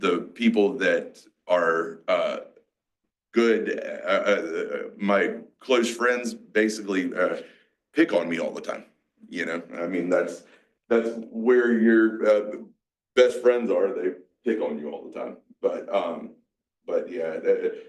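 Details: Adult male, 47, with mixed Broca's and Wernicke's aphasia after a massive stroke 6 years earlier. He also has had strokes and seizures, had to relearn to talk, and still has word-finding blocks. Mixed aphasia.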